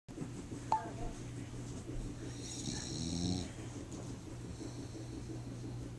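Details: Bulldog asleep: steady low rumbling snore in a quiet room, with a brief sharp noise early on; snoring.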